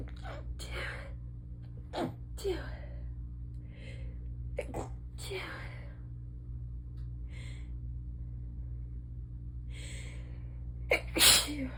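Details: Rapid stifled sneezing fit while lying down: a quick run of short, muffled sneezes with sharp breaths between, ending in a louder burst.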